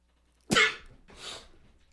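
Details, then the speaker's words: Adult man sneezing repeatedly while talking, who jokes it is from nasal spray overuse: one sharp explosive sneeze followed by a softer breathy exhale; sneezing. "all right that's at this point my body is just taunting me with these sneezes I've been told that I sneeze like a [ __ ]"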